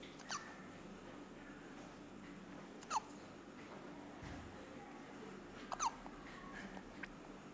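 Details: Hiccups in a 2-week-old baby: brief, sharp catches with a small voiced squeak, three in about seven seconds, over background hiss.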